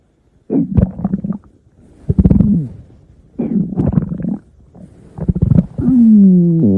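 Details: Ordinary stomach growling (borborygmi): loud, low, croaking rumbles in bursts, ending in a drawn-out whining groan; a normal gut sound.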